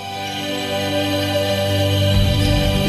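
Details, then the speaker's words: Soft, soothing sustained music from a Neuromonics tinnitus treatment device, used to mask the ringing heard in the ears with a more pleasant sound. "what you're basically doing is masking the sound that you're hearing in your ear that ringing sound with it with a more pleasurable soothing sound which I want you to hear"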